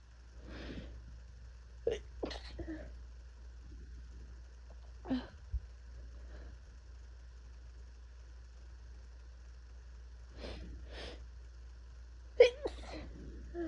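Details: Person with a first cold of the year (fever, chills, body aches, coughing) sneezing: several sharp sneeze bursts, some stifled, over a steady low room hum.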